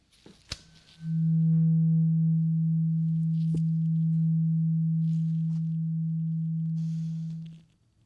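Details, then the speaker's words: Simulated ASMR role-play ear exam: a tuning fork is struck and rings as a steady low pure tone for about six seconds before fading, listener asked to say when the sound stops; tuning fork hearing test. "I have a tuning fork, and I want you to tell me when you hear the sound stop."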